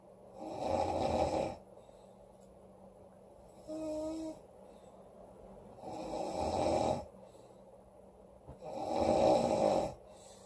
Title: Loud girl snoring August 7 2017